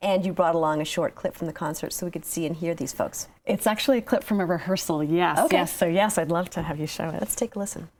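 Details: Adult speakers in a studio conversation; ordinary conversational speech.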